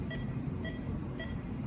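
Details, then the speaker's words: Pulseless supracondylar fracture after closed reduction and pinning: regular pulse oximeter beeps at about 110 a minute with a good waveform and good saturation, indicating good distal perfusion, while the radial Doppler signal could not be picked up. "So this is a good waveform that we call as good waveform and good saturation. So if this is seen, we usually believe that the distal perfusion is good."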